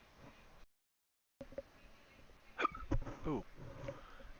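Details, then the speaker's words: An adult gives a single, very squeaky hiccup during a live trading session. "a hiccup that sounded very squeaky"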